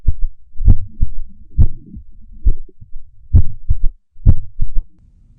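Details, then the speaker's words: Example audio clip of an irregular heartbeat in a nursing exam review: low thudding heart sounds at roughly 65 a minute with uneven spacing between beats, an irregular rhythm. "you may also hear audio clips of heart sounds such as a regular sinus beat an irregular heartbeat"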